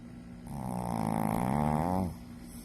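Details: Sleeping Shih Tzu dog snoring: one long, rumbling, buzzing breath sound.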